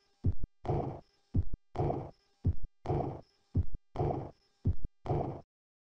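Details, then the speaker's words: Aortic regurgitation auscultated at the second right intercostal space by the sternum or Botkin's point: heartbeat about 55 a minute, absent first sound, blowing diastolic murmur filling the pause and ending at the first tone. "в представленном вам аускультативно примере отсутствует 1 тонн вы услышите диастолический шум который очень характерен для данного порока и этот шум завершается первым тоном"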